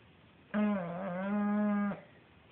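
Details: Sleeping English bulldog in a quiet room: one long, steady, low honking snore lasting over a second, a tonal snore.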